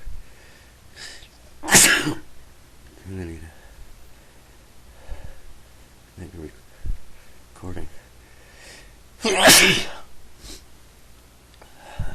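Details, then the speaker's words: Person who has been sneezing a lot all day: two forceful, explosive sneezes about eight seconds apart, with quiet breathing and a faint voice between; repeated sneezing. "I've been sneezing a lot today so I thought I would take"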